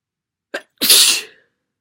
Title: Very wet sneezes. Another cold?